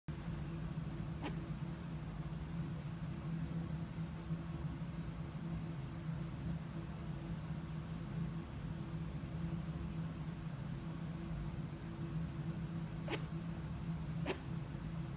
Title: Rabbit Sneezes